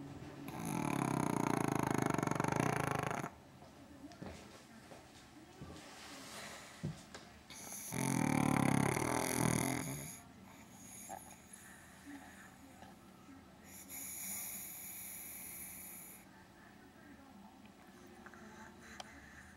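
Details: Pug named Champ sleeping on the sofa: long, loud, rattling snores separated by quieter snuffling breaths; dog snoring.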